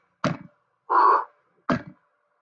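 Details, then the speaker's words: Demonstration of how a systolic murmur would sound: two short knock-like heart sounds with a sustained whooshing noise filling the gap between them; systolic heart murmur. "La pregunta ¿es fácil escuchar el soplo sistólico? No, no es fácil. Yo lo he escuchado, sí, pero no creo, o sea, ya forcé a mi oído a escucharlo."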